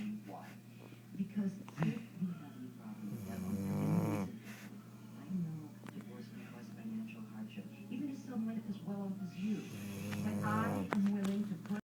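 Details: Golden retriever dog snoring: two long, buzzing, rattling breaths over a steady room hum and faint background talk.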